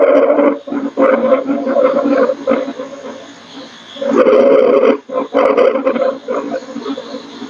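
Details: Low-pitched, coarse snoring and rumbling sounds in long bursts with breathing, quieter gaps between, played as a nursing exam teaching example: rhonchi.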